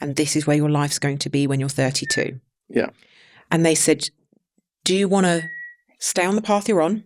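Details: Adult man, 32, with Tourette syndrome acquired about seven years earlier, in his mid-20s, after a brain injury; occasional returning stammer; involuntary vocal tics including swearing, whistling and other interjections interrupt his speech; Tourette syndrome vocal tics.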